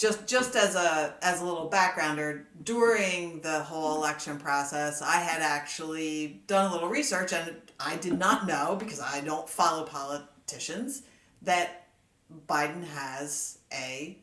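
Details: Adult man with a stutter since childhood, who had speech lessons from grade school until about high school and still sometimes struggles to get words out: stuttering.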